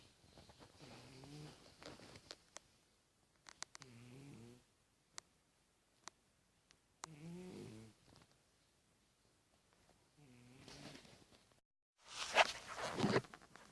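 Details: Patches, a small animal, sleeping: soft wheezy little snores with faint whistling, irregularly spaced, then a few clicks and a rustle; snoring.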